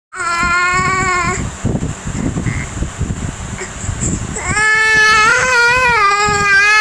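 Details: A baby boy cries in long, rising and falling tuneful wails, almost sing-song, with a quieter whimpering stretch between and some room noise; infant crying.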